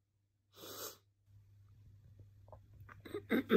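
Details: Morning chesty, barking cough: one loud, harsh burst, then a pause and a run of shorter rough coughs over a low hum.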